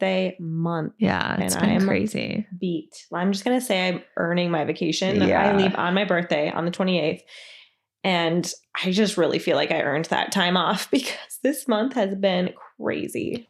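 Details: Adult woman speaking; typical voice.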